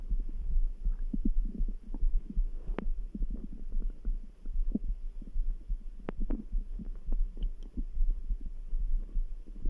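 Low gurgling and rumbling from the belly with a steady throbbing beat underneath; ordinary stomach rumbling.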